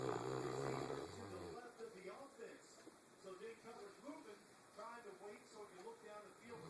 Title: Alice the newf, snoring